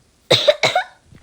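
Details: Two loose, harsh coughs in quick succession in a quiet room from a child who is currently sick, coughing and sniffling.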